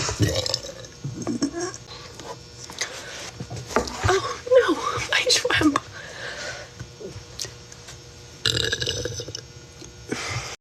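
Loud, drawn-out belches from several people, mixed with laughter and brief talk.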